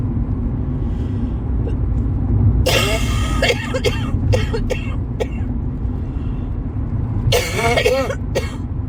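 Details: Adult driving, in the first couple of days of a common cold: two short bursts of harsh coughing over steady road and engine noise inside a car; cough with a cold.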